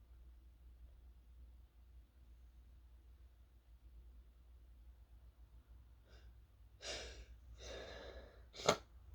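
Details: Sneezing triggered by toasting chili peppers, with a sore, irritated throat: a short sniff, a run of partly stifled sneezes, then one sharp, fuller sneeze in a quiet room.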